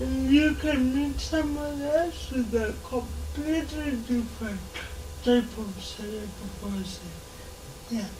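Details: 26-year-old woman with lifelong cerebral palsy; she reports her speech makes her hard to understand, though she remains verbal; dysarthria (cerebral palsy).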